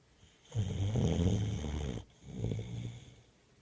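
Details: Sleeping dog snoring: two loud, rumbling, fluttering breaths, a long inward snore followed by a softer one.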